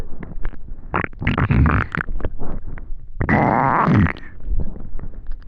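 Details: Bowel sounds (borborygmi).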